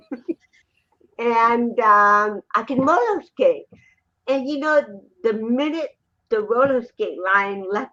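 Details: Adult woman with cerebral palsy, 75% hearing loss and hearing aids; dysarthria (cerebral palsy).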